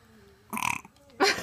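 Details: A brief, throaty, rumbling belch followed by a short vocal sound; a small burp.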